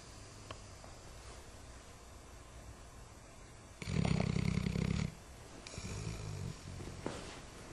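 One loud, rumbling snore and a softer fluttering one over steady background hiss; snoring during sleep.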